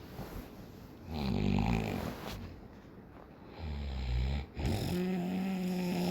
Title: He snores like a horse! Help!